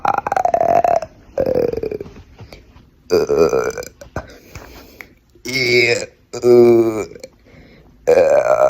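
Several loud, drawn-out voiced belches in a row with brief pauses between them; deliberate burping on command.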